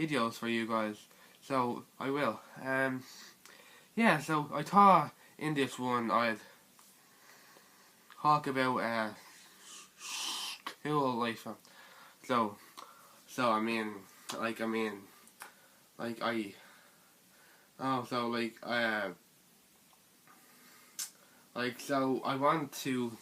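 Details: Young person who stutters (stammers), with repetitions heard such as 'so so' and 'I mean like I mean like'; stuttering.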